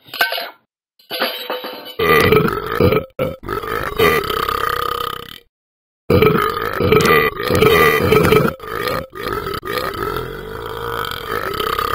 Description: Talking Ben burps several times after drinking and eating.